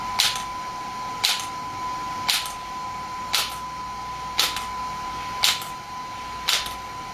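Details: Shockwave therapy device (SW5S) for erectile dysfunction and plantar fasciitis, applied with gel while the patient's feet rest on the support: sharp regular snapping pulses, about 57 a minute, over a steady high tone.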